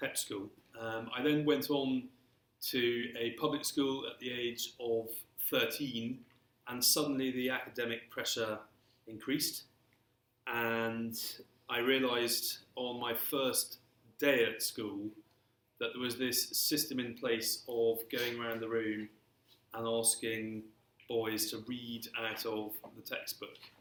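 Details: Stammering in an adult man who has stammered since early childhood and throughout his career; stammering.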